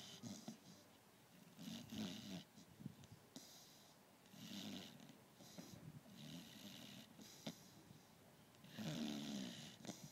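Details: A sleeping beagle makes repeated soft, throaty snores with each breath, about four in ten seconds; ordinary snoring.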